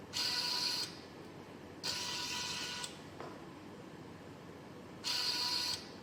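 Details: Repeated whirring motor runs under a second each, separated by pauses with a click, from a gear-driven homemade Arduino/ESP32-controlled emergency ventilator built as a student COVID-19 project, cycling its arm.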